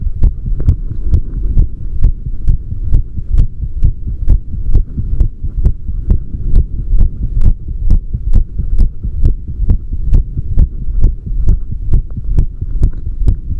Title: PP H26 12 3 大人時間の心音 heartbeat heartsound